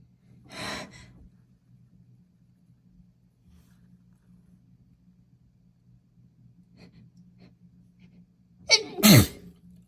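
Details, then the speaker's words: Soft breathy burst, a quiet pause, then one loud, wet sneeze over a low steady hum, from a pregnant woman sneezing repeatedly after sniffing bath essence; ordinary sneeze. "My baby that's in my belly just makes me sneeze so much. I might call her Baby Sneeze."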